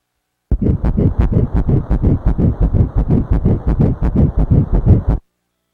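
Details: First recorded fetal heartbeat on ultrasound (31 Jan 2020): rapid, regular whooshing pulses at about 170 a minute.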